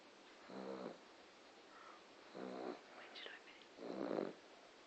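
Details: A dog, described as a loud snorer, snoring while asleep: three rhythmic rattling snores about 1.8 seconds apart, with a soft whistle between two of them.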